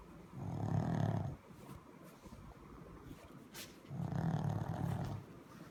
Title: If there is a snoring contest this pug will surely come up on top!